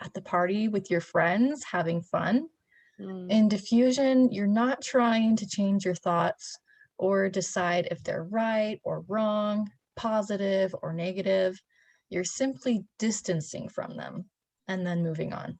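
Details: Adult woman; ordinary speech.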